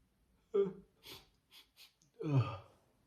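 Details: Four big voiced sneezes: loud vocal bursts with short breathy releases between them.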